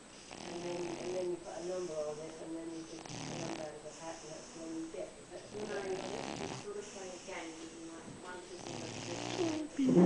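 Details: Loud, repeated snoring from a big, overweight sleeping pet cat, with voices talking in the background: snoring.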